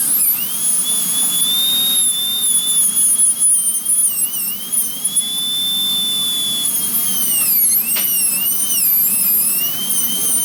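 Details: Steady high-pitched dental handpiece whine dipping and rising under load, opening the embrasures of a provisional (temporary) crown and trimming close to the visible finish line.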